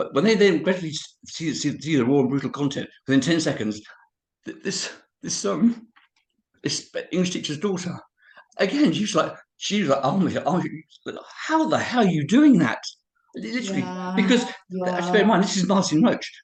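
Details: Adult man of about 51-52 with cerebral palsy, also living with HIV, describing his own speech impediment; dysarthria (cerebral palsy).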